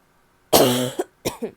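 Two harsh, loud cough bursts with a hoarse, barky quality, consistent with a barking cough.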